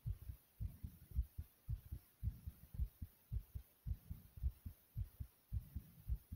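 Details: Own loud pounding heartbeat: strong, regular low paired thumps at about 110 a minute; fast heartbeat.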